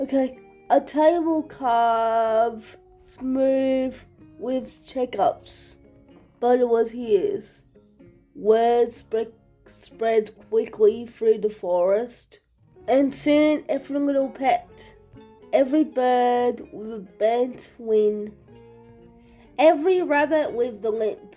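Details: Adult reading aloud; speech in cerebral palsy.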